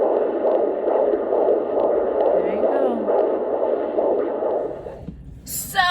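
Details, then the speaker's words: In a first pregnancy, a fetal Doppler gives rapid, regular whooshing pulses, which the mother reports as 140 beats a minute and strong for her baby boy: a normal fetal heartbeat. "I had my video from my hubby to hear the baby's heartbeat I think he's at 140 heartbeats heartbeats 140 was his heartbeat rate strong guys"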